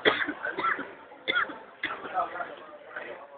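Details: A child gives four short, abrupt coughs in quick succession, apparently with a cold.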